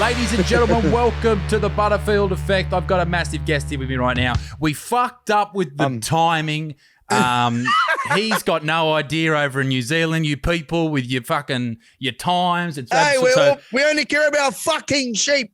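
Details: Adult male podcast host; Ordinary speech.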